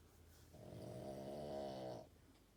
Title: Dog snoring ridiculously loud 🐶